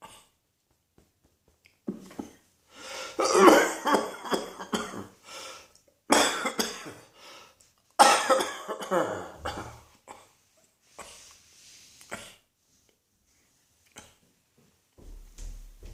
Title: Cross Dressing Coughing 126.